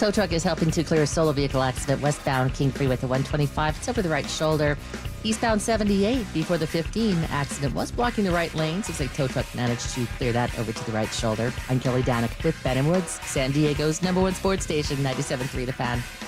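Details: Adult speaker, radio traffic report; Normal voice.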